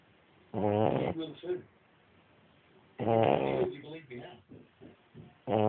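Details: Snoring: loud, rough, rattling breaths recurring about every two and a half seconds, with quiet gaps between them.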